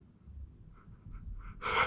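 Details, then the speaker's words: Man sneezing repeatedly, struggling to hold one back and calling it exhausting: a few quick catching breaths building to a single sharp sneeze at the end; sneeze. "Oh shit, I'm not gonna be able to hold it back. It's so exhausting. That was close."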